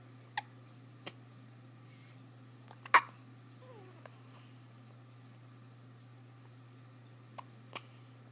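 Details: Hiccups: several short, sharp, clicking hiccups at irregular intervals in a quiet room with a low background hum.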